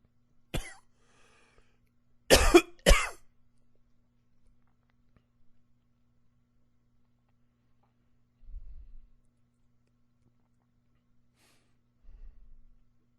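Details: Three sharp, plain dry-sounding coughs, one alone then two close together, followed by quiet low noises; coughing.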